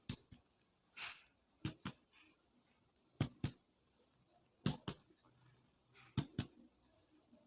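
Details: Chest percussion during a respiratory physical examination, four pairs of quick double finger taps giving hollow, low, moderately loud thuds in a quiet room; normal resonant percussion note.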